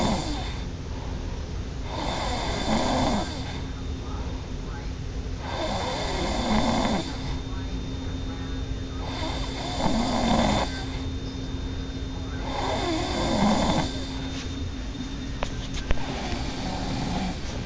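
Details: Person asleep snoring loudly: rough snores about every 3.5 seconds, roughly 17 breaths a minute, over steady room hum.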